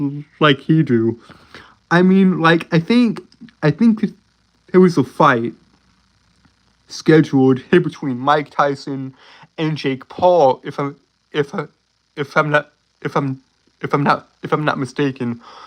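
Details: Male speaker with a self-reported, uncontrollable speech impediment, worse on s-initial words and when excited; stuttering.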